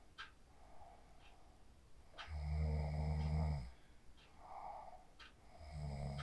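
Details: Person asleep after practising the 4-7-8 breathing technique, recorded on a phone: quiet room with soft breathing, then a low, rattling snore, about two snore cycles in six seconds.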